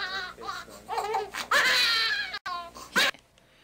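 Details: Intense, high-pitched crying in strained bursts from a baby boy during circumcision, sounding extremely distressed: an infant pain cry.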